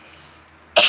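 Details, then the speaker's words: Adult non-smoker with a lingering cough after an illness they say is mostly over; after a quiet stretch, one sudden harsh cough burst that is cut off at the end. "though I'm not really sick anymore, but I'm still coughing. I sound like a smoker. I'm not a smoker though."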